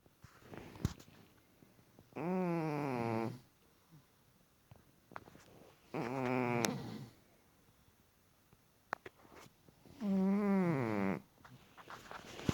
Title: Snoring Pussycat vs. Snoring Man!